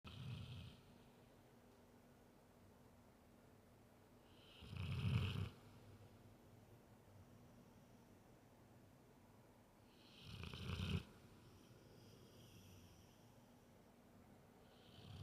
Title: Snoring dog